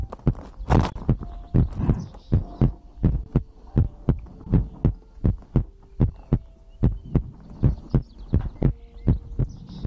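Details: ASMR recording of a person's own heartbeat made for sleep: steady low thumping at about 80 beats a minute with a faint hum behind; normal heartbeat.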